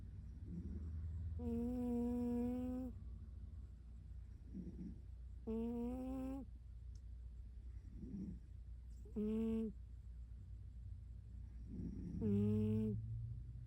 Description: My cat Zuka sleeping in my lap in bed snoring